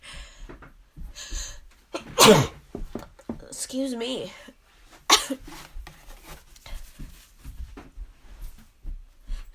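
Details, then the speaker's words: Allergy sneezing fit in a small room: two loud, explosive sneezes, each after a drawn-out voiced build-up, with quiet talk between them. The person says the sneezing is out of control and that nose-blowing keeps setting off more. "oh my gosh sneezing is out of control today oh gosh oh still got more it's ugh i have to sneeze"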